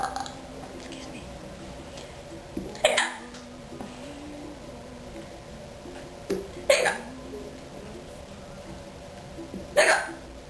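Three abrupt, sharp throat sounds about every three to four seconds against a quiet room, fitting a bout of hiccups.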